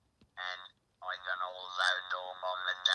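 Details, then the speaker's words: Electrolarynx speech demo clip of the robotic-sounding voice used after laryngectomy, the speaker saying "my name is"; the device transfers vibration through neck tissue into the mouth; music is partly audible. "most people know this communication option due to the output sounding robotic in nature i'm going to play you a little clip"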